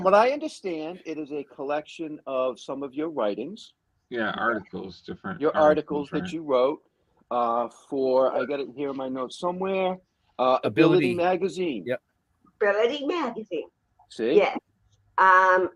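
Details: Adult speaker in interview; ordinary conversational speech.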